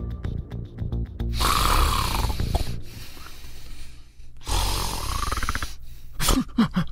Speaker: the sound of sleep apnea